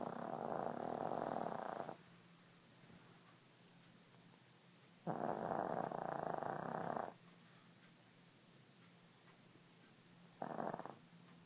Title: Kiki snoring